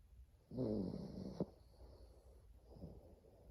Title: Buddy snoring